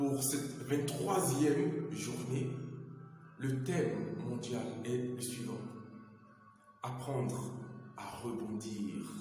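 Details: Adult man who grew up with stuttering and is still not cured of it, though he says he overcomes it day by day, speaking French with background music; stuttering.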